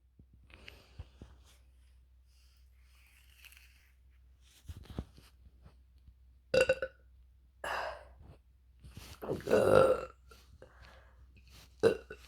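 Several low, throaty belches, one long and drawn out, separated by quiet breaths: repeated burping.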